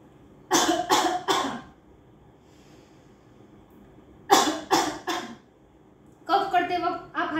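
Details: Three bursts of forceful deliberate coughing separated by pauses, demonstrated by a physiotherapist as the final coughing stage of the active cycle of breathing technique, after huffing, to clear mucus from the lungs during or after COVID.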